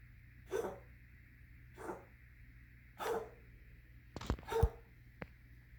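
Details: Cat with a cough for a week, fits about twice a day, awaiting vet visit: run of about five short, forceful, loud, painful-sounding hacking coughs in quick succession.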